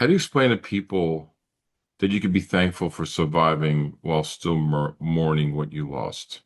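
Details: Adult man speaking; typical speech.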